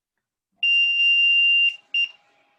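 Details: A home ventilator for a child with trisomy 13 and a tracheostomy powering on, with a hand over it to prevent alarming: a steady high-pitched electronic tone about a second long, then a short second beep.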